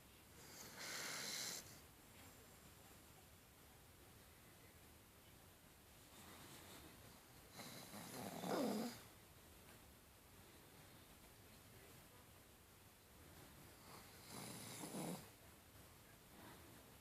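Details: Sleeping dog, described as dreaming, with three soft, irregular snorting breaths and a snuffling rasp; snoring.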